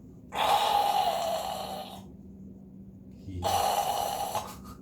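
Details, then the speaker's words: Imitated demonstration: two harsh, noisy breaths with a gap, illustrating obstructed breathing when the jaw drops open and the tongue falls back during sleep, narrowing the airway. "턱이 자다 보면 입이 벌어지면서 뒤로 탁 밀리죠. 네. 근데 그때 혀가 어떻게 되느냐? 기역 한번 해보세요. 기역. 혀가 어떻게 가요? 뒤로 확 밀리죠."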